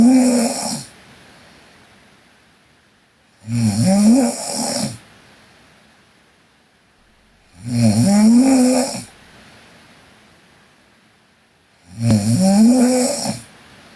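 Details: Sleeping Korean girl. Loud rattling snores on each in-breath, about 14 a minute, with quiet exhalations between: habitual snoring during sleep.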